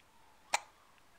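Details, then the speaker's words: Hiccups in a smiling young daughter whose dad is coaxing her to laugh: a single short, sharp hiccup in a quiet room. "you in the hiccups now you should keep talking"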